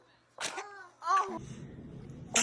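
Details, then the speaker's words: Infant sneezing: short, sharp sneeze bursts with small voiced cries between them and room noise behind; baby seems unable to get a sneeze out. "You can't get a sneeze out. Bless you. Bless you."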